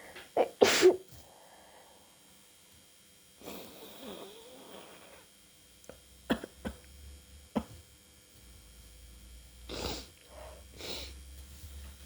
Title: Cold sneeze attack (first upload)